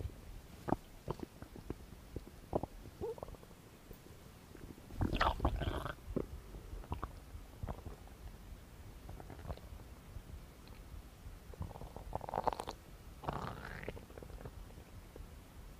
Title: ASMR | Stomach growing | Belly noises | asmr no talking | Stomach Sounds